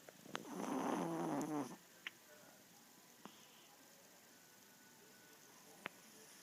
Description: Male Yorkie Snoring